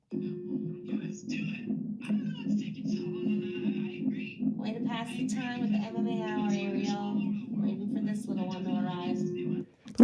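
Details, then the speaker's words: Fetal heartbeat on hospital monitor: fast, rhythmic whooshing pulse, partly covered by a woman's voice and music. "how cool that sounded as well like that baby's got a ticker that just sounds like a nice beat"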